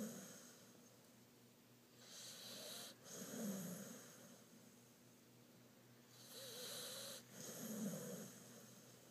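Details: Pit bull snoring: slow, rough, rattling snores, about 14 breaths a minute, over a steady room hum; ordinary snoring in a sleeping dog.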